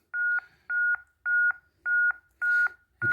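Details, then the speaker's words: Steady two-tone CPR metronome beeps at about 107 per minute from a ZOLL M2 in AED mode, pacing chest compressions within the 100–120 per minute target, with depth feedback prompting harder pushes. "continue with our monitoring our rates make sure that we are between 100 and 120 and my depth should be telling me to push harder because my depth is not good enough"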